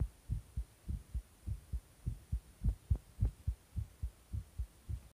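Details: Tachycardia after stimulant use: fast, regular paired thumps at about 105 beats a minute.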